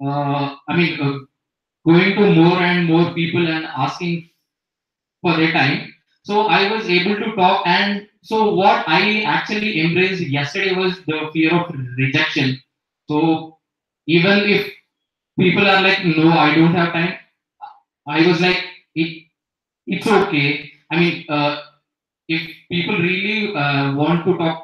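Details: Adult woman who stutters/stammers, active in the stuttering community, with audible part-word repetitions; stuttering.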